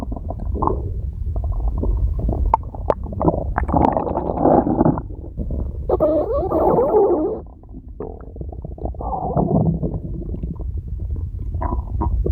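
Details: Red panda at feeding time: long, loud, low gurgling and rumbling runs that rise and fall over several seconds; stomach growling.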